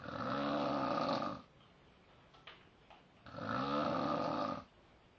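Two long, loud, rattling snores on the in-breath with a quiet pause between; ordinary heavy snoring.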